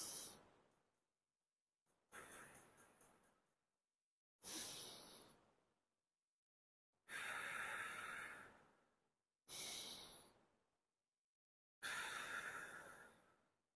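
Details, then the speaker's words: Chest physiotherapy demonstration of diaphragmatic breathing with one hand on the abdomen and one on the chest: slow deep breaths, 2 s in, 1 s hold, 2 s out through nose or pursed lips, about 13 a minute, with long airy exhalations. "এবং এভাবেই patient প্রতিদিন 20 minute করে diaphragmatic breathing এর মাধ্যমে তার ডায়াফ্রামের কার্যক্ষমতা বাড়িয়ে ফুসফুসের সংকোচন প্রসারণকে সহায়তা করবে"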